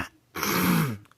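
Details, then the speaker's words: Deliberate forceful throat clearing (hawking) with the top and bottom teeth together and the mouth closed, to bring up phlegm: a single rasping clear lasting under a second. "I'm sure booger never made one like this you got to put your two put your top and your bottom row together and then as you would you know Hawk to or cough up some spit you know you got to do it with your teeth"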